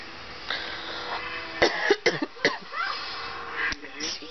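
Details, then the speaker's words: Sick adult with a stomach virus whose cough had only just started: a few short, sharp cough bursts over quiet room sound and brief voice. "so I'm kind of sick actually I wasn't I don't really have a cough until just now"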